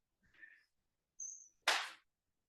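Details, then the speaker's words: Painless single abrupt knee pop (crepitus) from an adult woman as she lowers herself to the yoga mat without using her hands. "Well, that was my knee popping, if you didn't hear it. It didn't hurt, so I think it's okay."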